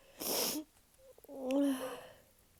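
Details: Induced sneeze from a woman: a sharp hissing burst, then a brief squeaky, voiced snort-like sound; single sneeze.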